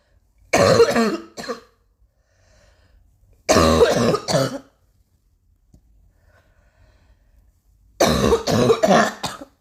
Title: still coughing like hell